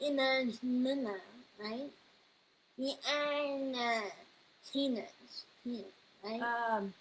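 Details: 21-year-old woman with level 2 autism, anxiety and needle phobia, whose neuropsychological evaluation found a speech disorder; mother says it is obvious from how she talks; speech disorder.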